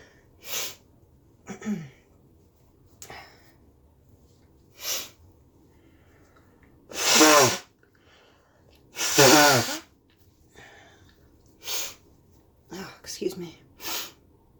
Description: Announced sneezes and some snotty honks